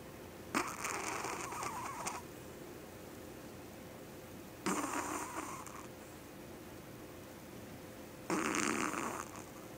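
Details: Maggie, a small Yorkie dog, snoring: three raspy, snorting breath sounds about four seconds apart, roughly 15 breaths a minute, over steady background hum.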